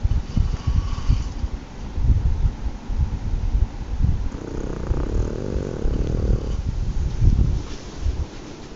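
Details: Snoring.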